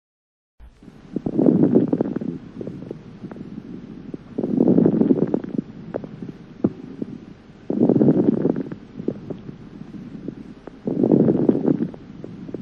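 Four breath cycles, about 19 a minute, with many brief crackling pops scattered through them, loud and close: fine crackles over the lung.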